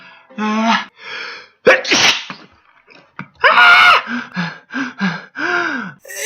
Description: this boy is showing you how NOT to sneeze!